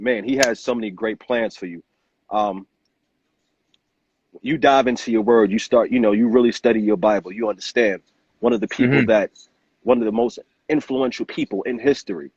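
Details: Adult male speaker; Normal fluent speech.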